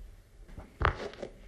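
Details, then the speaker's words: Knee crepitus during bending: a faint scrape then a loud gritty, snow-crunching sound from cartilage about half worn and roughened, moderate-stage osteoarthritis. "이거 으스러지는 소리가 눈 밟는 소리 같아요. 이런 경우는 연골이 아까 3mm라 했잖아요. 네. 그중에 한 일부, 한 반 정도 닳았을 때 연골이 굉장히 거칠거칠해지면서 아~ 나는 소리입니다."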